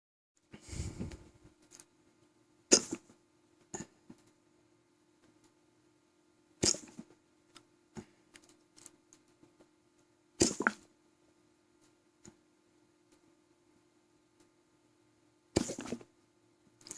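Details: Hiccups after eating three quarters of a large, thick pizza until stuffed: short, sharp gulping sounds every few seconds, about five in seventeen seconds, in a quiet room.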